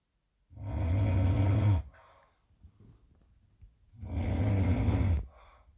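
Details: Loud, bad snoring from a sleeping roommate at 4:30 am.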